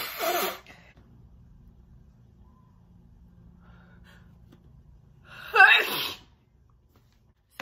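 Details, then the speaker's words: Two short, muffled held-back sneezes separated by a quiet pause, with faint traffic behind, from a woman deliberately trying to stifle her sneezes in a requested sneezing video. "oh i'm trying to hold back like i promise you i'm trying okay they're coming out weird because like i'm trying to hold back so they come out where when i do that"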